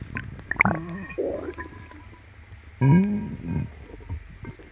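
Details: Borborygmi in a person with an upset, painful stomach, likely from something eaten, while stroking the tummy clockwise: gurgling, bubbling rumbles with squeaky rising tones under light rubbing noise.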